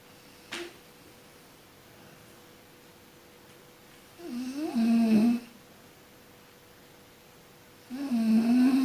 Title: Suara orang tidur Mendengkur